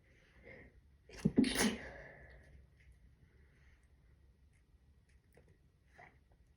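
A single soft, partly stifled sneeze with a sharp burst of air, then quiet room noise.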